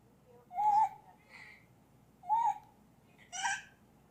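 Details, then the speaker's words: Infant, another person speaking in the background: repeated high-pitched, crowing, musical noises with breaths: inspiratory stridor from upper airway obstruction. "Esse barulhinho no final é o estridor laríngeo, tá?"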